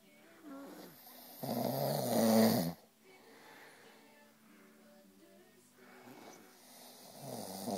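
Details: Two people, a girl and her dad, snoring together as a tag team: a rough, low snore swells and fades against faint room sound and music.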